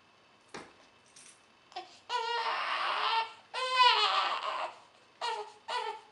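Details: Baby not crying, then crying: a few small sounds, then two long wailing cries and shorter bursts; ordinary infant cry.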